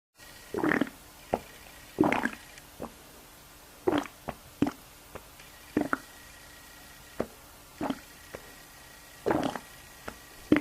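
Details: Deliberately produced stomach noises: repeated squelching gurgles and brief pops from the abdomen; ordinary stomach rumbling (borborygmi).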